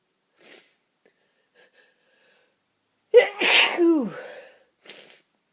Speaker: a my nose is tickling and tickling and tickling oh I've got to sneeze one more time